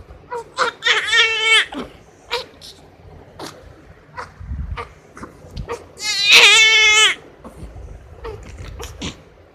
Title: Crying New born baby sound effect